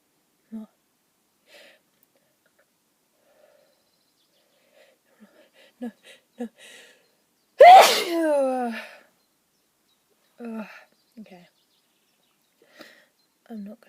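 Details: Sneeze after trying to hold it back: quiet short words, then one loud explosive sneeze with a trailing voiced tail, followed by more soft speech.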